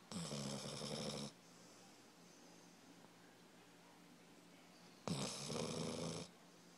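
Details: Daisy, very sleepy, snoring: two long, loud rattling snores about four seconds apart, quiet breathing between, in a still room.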